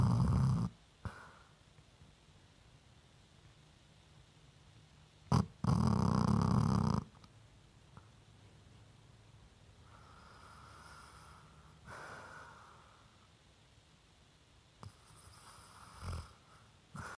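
Loud low rumbling snores at irregular intervals over a quiet background: dog snoring.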